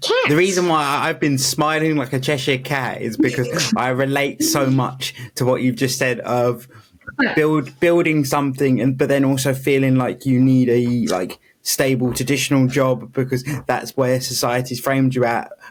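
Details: Adult speaker; normal speech.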